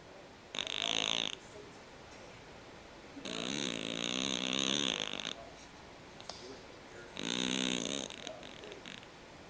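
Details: Three loud, harsh, rattling snores with long pauses from a sleeping cat with noisy breathing due to a condition he had as a newborn, now said to be fine: snoring.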